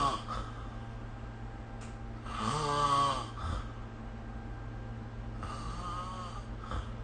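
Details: Snoring during sleep: two loud, rattling snores on the inward breath, about three seconds apart, over steady low room hum.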